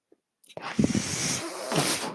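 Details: A podcaster's own mechanical ventilator, recorded while he speaks, delivering a breath cycle.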